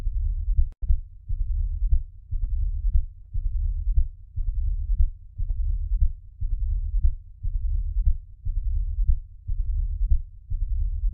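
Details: Mitral stenosis: a low-pitched heartbeat at about 59 a minute with a rumbling decrescendo-crescendo diastolic murmur filling the gaps between beats.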